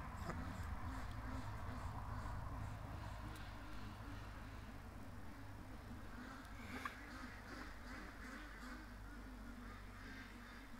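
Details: Duck with a very quiet, faint quack that the owner attributes to suspected laryngitis; hoarse, faint voice (laryngitis).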